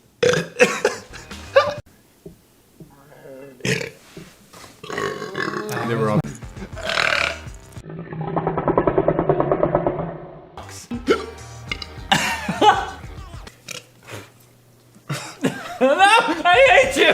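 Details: Men burping: a long, loud, rumbling belch and shorter burps, with talk, laughter and background music.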